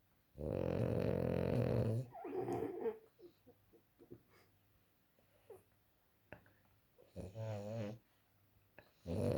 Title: freeky frenchie snores worse than my dad lol